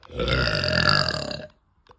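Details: Woman burping after eating: one long, loud, rumbling belch over a second long, then quiet.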